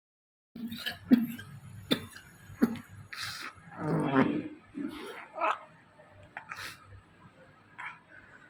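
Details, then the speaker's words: Adult male with two weeks of severe dry cough, earlier four-day fever, subconjunctival haemorrhage and raccoon eyes: rapid run of forceful coughs, then a long crowing inspiration; pertussis paroxysm with inspiratory whoop, treated with azithromycin. "so in this video you're able to listen to the move so you can see the patient is having a severe cough and after three breaths he takes a deep inspiration and the Wolf can be heard"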